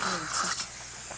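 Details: Steady airy hiss of a dental suction tip clearing fluid during dental implant placement after drilling of soft bone at a recent extraction site, with faint room sounds.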